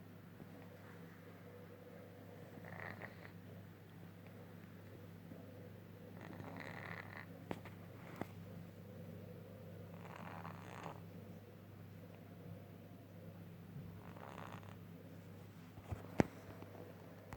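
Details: Cat snoring badly: a steady low rumble with rasping breaths about every four seconds.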